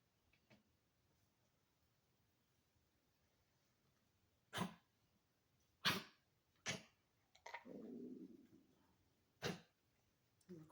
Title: Kennel cough